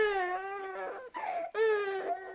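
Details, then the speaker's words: Two strong, high-pitched cry bursts with a brief catch-breath between them from a breastfeeding baby, crying while being switched to the other breast: infant cry. "sorry you can hear crying baby I'm just swapping over boobs so bear with one moment little cry interlude"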